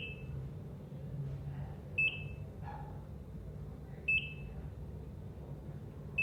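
Regular high-pitched monitor beeps about every two seconds over a low room hum, the steady tone of a heart monitor.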